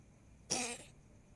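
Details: Cat with a cough lasting nearly two weeks, not yet improving: a single short, harsh, dry, non-productive cough burst without wet or rattling sound.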